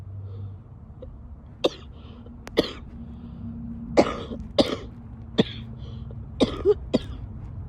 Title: wet coughs (f)